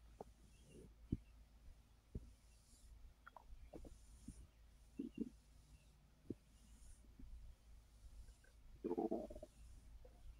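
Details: Bowel sounds from a full, bloated stomach while trying to rest after overeating, which followed a gummy that increased snacking: soft, irregular gurgles and brief rumbles over quiet room noise, ordinary digestive borborygmi.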